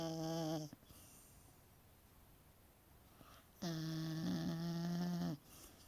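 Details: Snoring: two long, tonal, whistling-buzzy snores separated by a quiet pause, a musical, vibrating sound on each breath.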